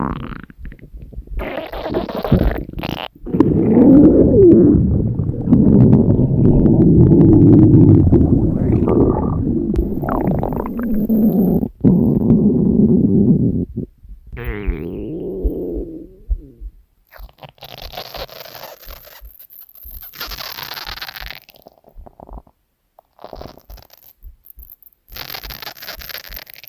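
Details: Hungry stomach growling (borborygmi): loud, long gurgling and rumbling from an empty stomach, then softer intermittent gurgles.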